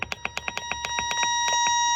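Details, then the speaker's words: Breas Vivo 65 home ventilator, alarm sound level being adjusted down to lowest level 1: rapid run of sharp electronic beeps over a steady high tone; ventilator alarm. "So the alarm sound level, I can turn my alarm sound level all the way down to 1, which is the lowest level,"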